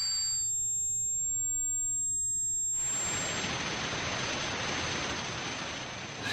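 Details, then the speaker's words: Simulated tinnitus: a high steady ringing tone, then a loud continuous hiss that persists, illustrating the constant ringing, pulsating, whooshing noise perceived inside the head rather than from outside. "tinitus is that constant ringing pulsating whooing noise that some people feel in their ears constantly it's actually quite hard to describe"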